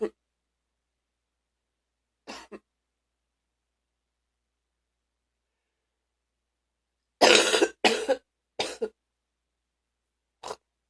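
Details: A handful of short, deep coughs with silence between, including a strong cluster of three, from a person who was very sick at the time.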